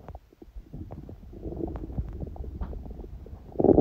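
Gurgling, bubbling rumbles rise and fall, ending in a louder burst; ordinary stomach growling from hunger.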